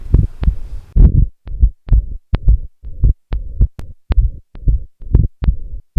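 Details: Adult's own heart sounds via auscultation on a Kosmos Torso handheld point-of-care ultrasound probe in cardiac setting: repeated low-pitched thumps with steady background hum, audio captured poorly.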